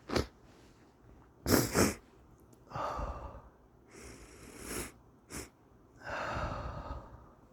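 Irregular sharp nasal sniffs and snorts with a few longer rushing breaths, like a person fighting off a sneeze.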